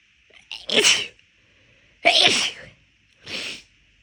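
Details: Three loud, explosive sneezes in quick succession, each a sharp burst of air and voice; deliberately induced while the nose was already bothering the person partway through a walk.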